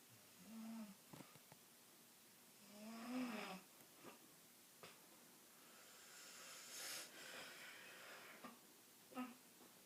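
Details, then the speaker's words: Person recorded snoring in their sleep: irregular low rattling snores on breathing in, with quiet gaps and a few soft snorts; ordinary sleep snoring. "do you really snore like that? Stop."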